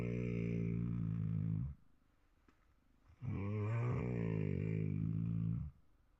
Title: Do you Snore at night Like 😱😱